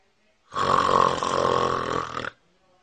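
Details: Adult man (dad) snoring, heard by his 2-month-old baby for the first time: a single loud, rattling, buzzy snore lasting under two seconds.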